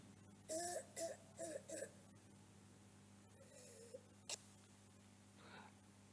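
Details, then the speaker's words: A child with laryngitis gives four quick, harsh, barking coughs, then a softer cough: barking cough of croup. "Continuemos con una tos perruna por laringitis en un niño."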